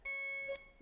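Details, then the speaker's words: Infusion-complete alarm on a BD Alaris 8110 syringe pump during a training demo, with the rate set to 9.99 and the volume to be infused set to 0.1: a steady, high-pitched electronic beep. "And I'm going to take our volume to be infused down to 0.1 just so I can show you what happens when it's complete. Okay, this is an alarm red."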